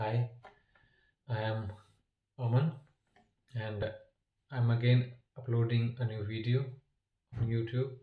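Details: Adult man who stammers, with blocks on specific sounds and words that he attributes to not exhaling on time and to his lips or tongue sticking; stuttering.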